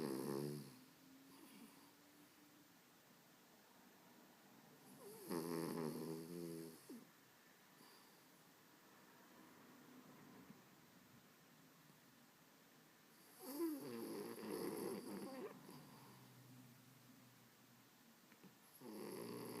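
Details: Slow, regular, rattling snores about every eight seconds with quiet breathing between them; persistent snoring during sleep, said never to stop.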